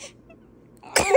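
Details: 20-day-old newborn cough: a quiet pause, then one short, wet-sounding cough burst.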